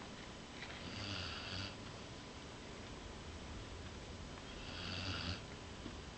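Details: Basset hound asleep, two soft rumbling snores over steady room noise: ordinary snoring.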